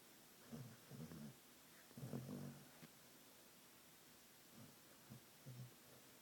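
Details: Gentle snoring from a sleeping, apparently dreaming dog: low, soft, fluttering rumbles in short bursts over a quiet hiss.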